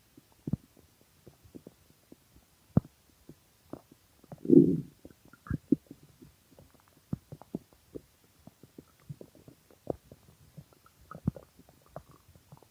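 Irregular gurgles, pops and a longer rumbling growl from an empty stomach; ordinary hunger noises.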